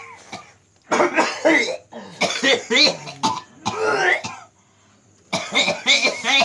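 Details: Repeated harsh, forceful coughs and throat-clearing in bursts from a man with a cough of over 2 years; medical care found no disease, and those treating him attribute it to supernatural disturbance.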